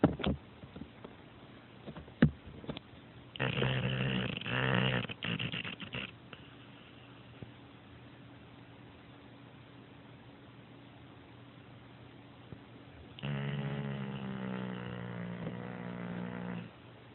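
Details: Two rattling snore sounds separated by a long quiet stretch, in a quiet room; ordinary sleep snoring.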